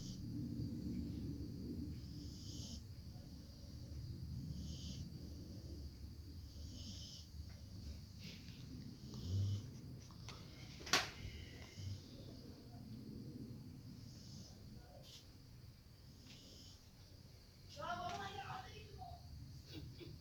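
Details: Low, rumbling snoring with a soft hiss on each breath about every two seconds from a pet dog, referred to as a Pekingese, sleeping on a sofa.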